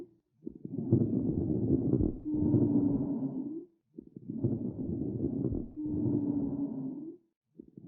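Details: Lung sounds from a person with long-term smoking addiction: noisy breathing at about 17 breaths a minute with coarse crackles and a low, moaning expiratory wheeze (rhonchi).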